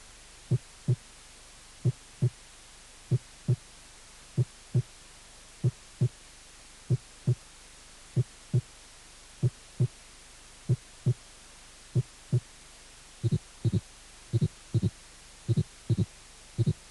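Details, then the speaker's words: Normal heart sounds: clean regular first and second sounds, nothing added, about 46 beats per minute. "y ruidos cardíacos normales"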